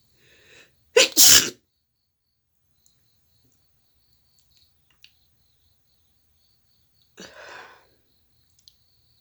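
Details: A brief intake of breath, then one loud explosive sneeze, followed after a pause by a softer rushing burst of air, likely nose blowing; sneeze.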